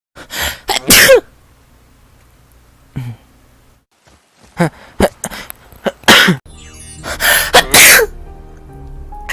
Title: 재채기 모음